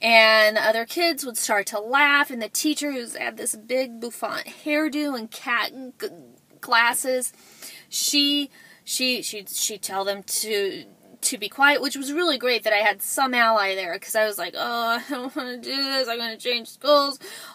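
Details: Adult woman, self-described stutterer; stuttering.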